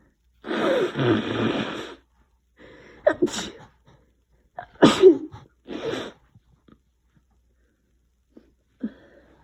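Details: Person with a cold: drawn-out noisy inhalation building up, then one forceful sneeze, followed by a nose blow; sneeze.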